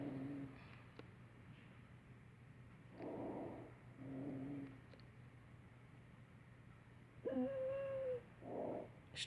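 Repeated high-pitched, harsh musical breath sounds on a simulator: stridor, a sign of upper airway narrowing.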